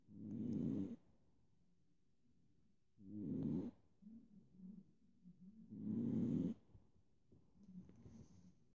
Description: Cat snoring loudly